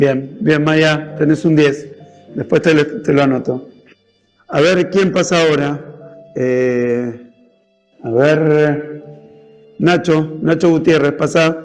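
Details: Adult male speaker, Spanish; Normal fluent speech.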